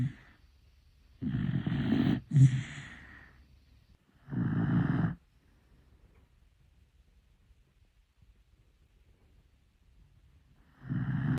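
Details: Loud, low, rattling snores about 3–4 seconds apart with quiet pauses between, from a sleeping dachshund; heavy snoring.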